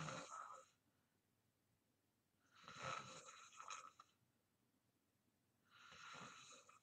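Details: Adult sleeping deeply, recorded as ASMR: slow, rasping snores, roughly 20 breaths a minute, each a harsh noisy breath separated by quiet pauses.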